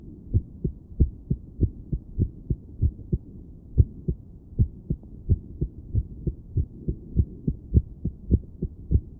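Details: Woman's own heart recorded with a stethoscope while sitting on her bed, trying to breathe slowly and relax during a spell of irregular beating she could feel: low thumping heartbeat, roughly 100 a minute, unevenly spaced; irregular heartbeat.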